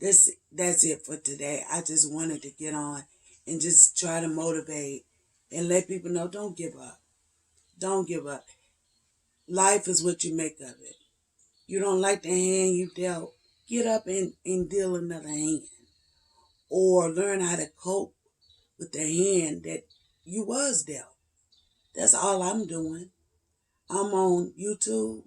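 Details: 56-year-old woman, onset late 2014–early 2015, with voice tremors, cracking voice and difficulty getting words out; treated every three months with neck injections paralyzing laryngeal muscles, last one just over two weeks earlier: spasmodic dysphonia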